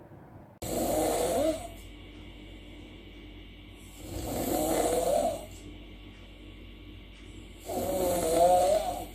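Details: Sleeping adult with habitual snoring, recorded while using an anti-snoring device under trial: three regular snores in about nine seconds over a faint steady hum.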